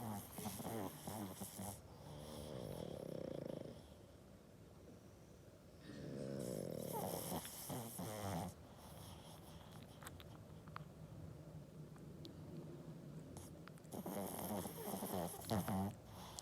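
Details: Sleeping pug snoring with tongue out: long, noisy, rattling snores heard against room noise.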